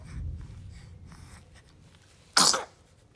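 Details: A single short, sharp burst of air after quiet room sound, from a baby girl; sneeze.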